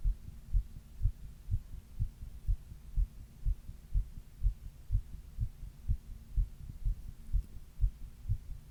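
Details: Steady, regular low heart thumps at about 120 beats a minute, recorded by the person on their own chest while reading; fast heartbeat.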